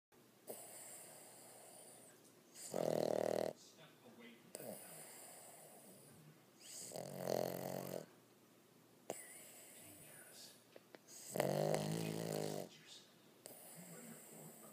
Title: Snoring Boston terrier